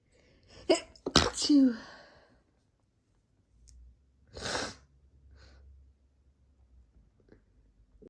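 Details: Deliberately induced sneezes, some normal and some half stifled: a full sneeze with a sharp inward breath, then a quieter half-stifled sneeze.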